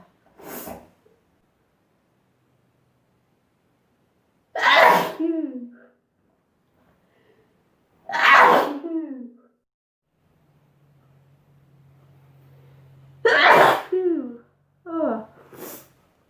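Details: About five sharp explosive sneezes, some in quick pairs, separated by quiet pauses, from a sneezing compilation; ordinary repeated sneezing.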